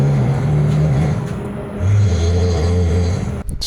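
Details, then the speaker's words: Man snoring very loudly overnight in a capsule pod hotel, loud enough to wake a nearby guest. "Guys, I've been woken up cuz there is a man snoring so loud in this"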